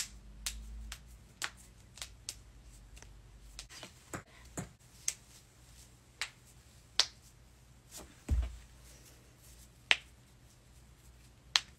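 Series of sharp, brief cracks and pops from joints, about a dozen over twelve seconds.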